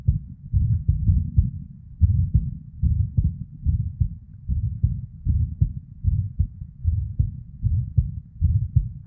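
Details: Irregular female heartbeat with PVCs/ectopic beats and murmur (blood flow) sounds.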